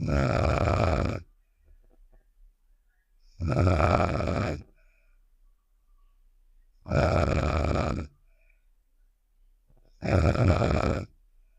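Four loud, rough snoring sounds about every 3.5 seconds with quiet gaps between; a cartoon snoring sound effect.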